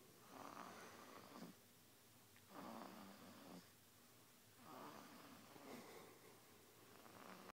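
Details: Soft, breathy snores about every two seconds, four in a row, over a steady background hiss; snoring.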